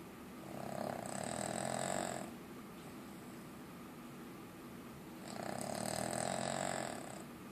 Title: Rex snoring